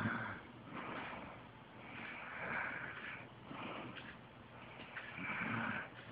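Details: Adult man snoring during sleep: slow, rough, rasping snores rising and falling about every two to three seconds; ordinary snoring.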